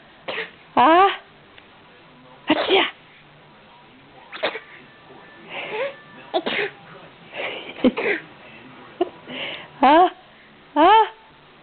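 A run of short, high sneezes with breathy intakes and small cries between them, in a quiet room; repeated sneezing.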